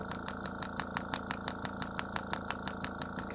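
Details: Radial shockwave therapy for lumbar disc pain, given to a seated, slouched patient with the pelvis rolled back during a seminar demonstration: steady sharp clicking pulses, about three per second, over a low machine hum.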